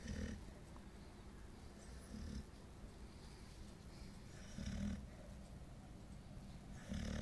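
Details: 9-month-old female golden retriever, very tired, snoring while asleep: soft, low, snorting snores, uneven, about 26 a minute, over steady room noise. Snoring.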